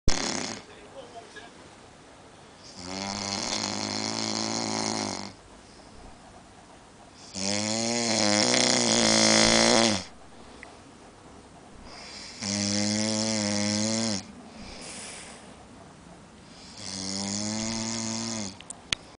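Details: Person snoring heavily: four loud, droning, buzzy snores on inhalation with quiet gaps, about 12 breaths a minute.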